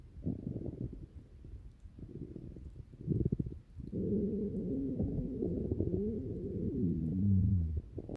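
Low gurgling and rumbling from the belly, building into a drawn-out growl; ordinary stomach growling from gas and fluid moving through the gut.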